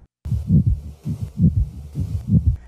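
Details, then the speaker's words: Low, scratchy, leathery rubbing sounds with each heartbeat, given as the heart-sound example of pericarditis: a pericardial friction rub from an inflamed pericardium. "pericardium is so inflamed that it makes a weird noise when it beats. This is called pericardial friction rub."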